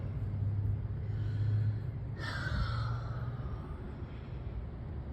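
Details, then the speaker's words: Cat sneezing: one short, sharp sneeze over a steady low engine-like hum. "We do have a sneeze, don't we? We have a sneeze. Uhoh. What do we do, friends? Kitty's got a sneeze."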